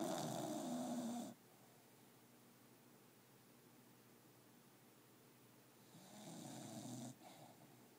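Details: A dog snoring while asleep in bed: two loud, rough breath sounds about five seconds apart, with quiet between them.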